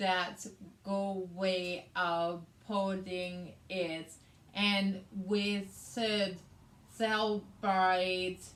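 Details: Adult woman with aphasia, also affecting reading and writing, plus right-sided hemiparesis after a hemorrhagic stroke on May 19th 2020 treated with brain surgery and ICU care; aphasia.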